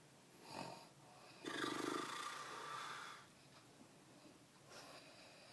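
A loud, rough, fluttering snore on one breath, with softer breath sounds before and after it.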